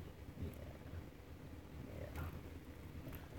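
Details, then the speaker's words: Dog's harsh, dry, hacking cough in low rumbling bursts, sounding worse than it is; owner says it is mostly dry and occurs early mornings on waking, at night, and sometimes midnight; dog cough. "about that and trust me it sounds worse than it is when Ranger dog coughs like that and it sounds like he's Hocking up a low Yee lung or whatever but most times it's dry and he only gets like that early in the mornings"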